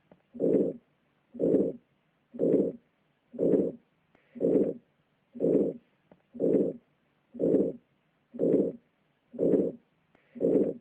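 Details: Aortic stenosis: regular heartbeat about 60/min with a harsh crescendo-decrescendo late systolic ejection murmur overlapping end of S1 and start of S2, auscultable over both carotids; narrowed aortic valve reducing cardiac output.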